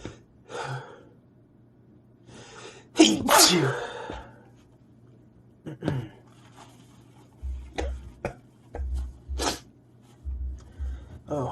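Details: Sneezing fit: a loud sneeze with gasping inhales, followed by a run of short sniffs, catches and quick breaths.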